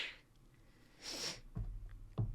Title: (LF1) female twitch streamer rapid sneeze compilation